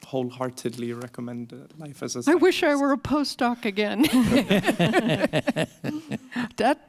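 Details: Adult speaker; ordinary speech.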